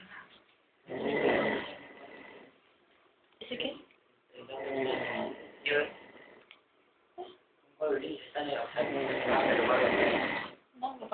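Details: Loud, rough, rattling snoring in long bursts, about three across eleven seconds, with shorter snorts between; snoring.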